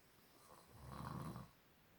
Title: he tried to tell me he doesn't snore so I needed a witness 🤣🤣